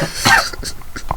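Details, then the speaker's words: A person coughs once, loudly and close to the microphone, during a podcast recording, then makes a few softer throat-clearing noises. They say they are not sick and just cough. An ordinary cough. "Well, what am I supposed to do? Cough off the mic? You're holding the mic. Just like lower it. See, now you're coughing louder."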